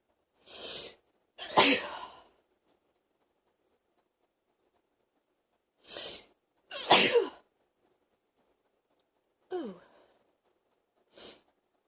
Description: This almost NEVER happens but I was able to catch this sneezing fit for you sneezylovers